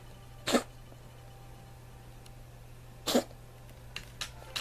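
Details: A cat coughing severely: two forceful, harsh coughs followed by three shorter, weaker bursts over a steady low hum.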